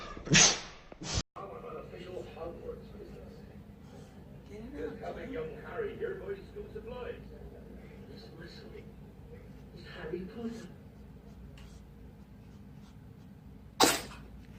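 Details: Cats sneezing: sharp, hissing sneezes, two at the start and one near the end, with soft voices and room noise between.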